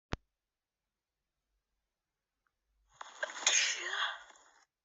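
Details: Adult woman with a cold, still sneezy: after a brief click and a pause, one forceful, wet sneeze with a sharp hissing burst; sneeze.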